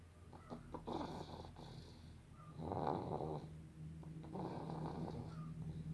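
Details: Sleeping child snoring: soft, rough breathing noises during sleep with a low, steady room hum; mild snoring.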